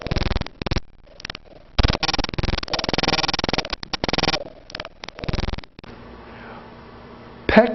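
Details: Respiratory teaching recording: whispered words come through the chest wall loud and distinct, with a brief voice at the end; whispered pectoriloquy.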